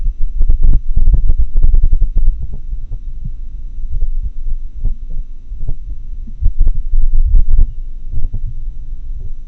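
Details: Heart sounds in atrial fibrillation recorded with a homemade customized funnel-microphone setup, digitized via a computer sound card; irregular rhythm of atrial fibrillation.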